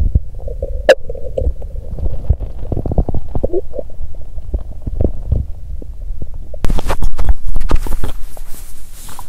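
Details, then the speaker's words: Active bowel sounds (borborygmi) from an adult woman's abdomen on day two of her period: low rumbling gurgles and bubbling pops in quick clusters, louder toward the end. ""なんか、胃が何か言っています"。"なんかね、腸は静かで胃がうるさい！"。"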